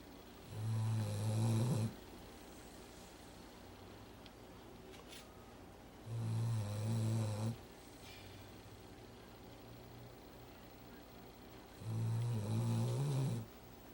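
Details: Dog asleep on a couch on the day she came home after a toe amputation: low, rumbling snores on the in-breath, about 13 breaths a minute, over a steady room hum; snoring.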